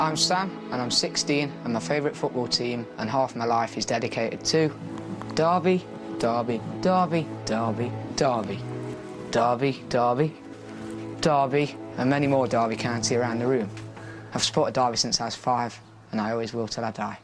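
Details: 16-year-old British boy with Tourette syndrome attributed to a gene; uncontrollable shouting began on his 13th birthday, three years ago; he repeatedly shouts a word while introducing himself; vocal tics (Tourette syndrome).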